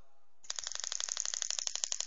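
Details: Pneumatic radial shockwave therapy handpiece, LGT-2510B, starting a treatment (pressure 1 to 5 bar, frequency up to 22, up to 3,000 shocks): after a faint tone, rapid regular sharp clicks at about 14 per second.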